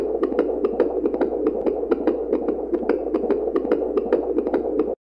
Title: 🔊 Baby heart beat monitor 🎬